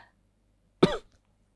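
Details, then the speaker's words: Mysterious cough during a podcast recording that annoys a host, who complains about the noise; one person denies coughing. "marah-marah karena terganggu suara batuk yang misterius."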